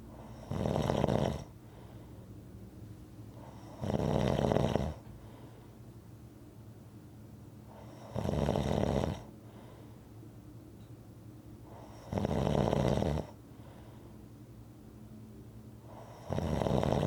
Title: Rhythmic snoring audio